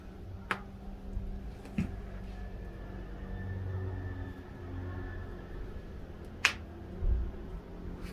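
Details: Several sharp joint cracks, loudest near the end, during chiropractic spinal manipulation of the back.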